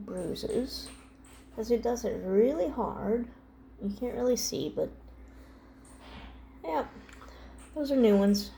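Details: Young adult or teen speaker; ordinary speech.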